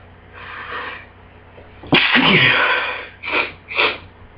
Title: Bad Cold Sneezes